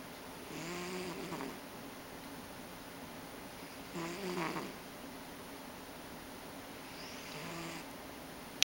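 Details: Three gentle snoring breaths, each about every three seconds, with a faint nasal whistle; ordinary snoring in a sleeping Ragdoll cat.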